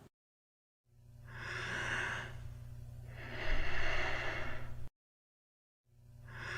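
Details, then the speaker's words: Nursing teaching demonstration of a respiratory pattern: slow, long breaths with drawn-out inhale and exhale and long pauses between; bradypnea, a low-rate breathing pattern described as common in obesity or heavy drinkers. "Selanjutnya adalah bradipnea atau pola pernafasan frekuensi rendah yang biasa terjadi pada klien dengan kondisi obesitas ataupun peminum berat."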